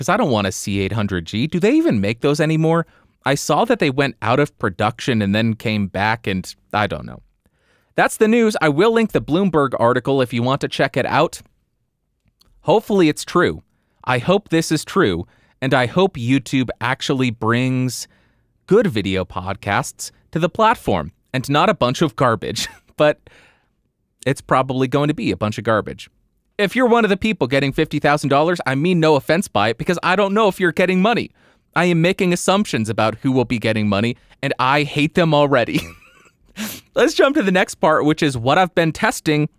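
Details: Adult male speaker; typical speech.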